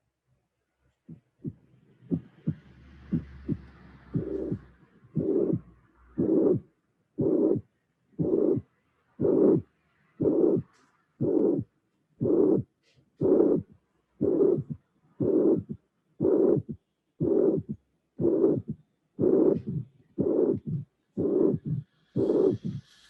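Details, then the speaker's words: Simulated teaching recording of severe mitral regurgitation, about 60 a minute: a few clean beats, then a long blowing systolic murmur, a third heart sound and a small diastolic flow murmur after it. "this is a an example of a severe mitochondriation because there is a third sound and the small murmur after the third sound"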